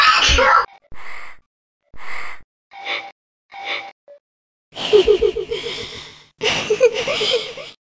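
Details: Several gasping in-breaths build into two loud, voiced sneezes by an adult woman in a flight attendant role; a performed sneezing sequence with build-up gasps.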